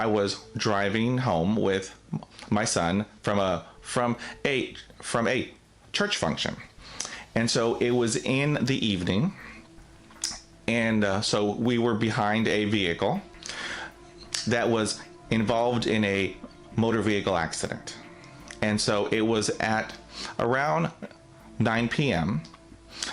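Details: Adult man who stutters, with audible phrase repetitions; stuttering.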